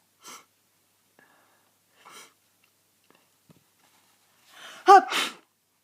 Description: From the tail end of my cold but still the occasional fit.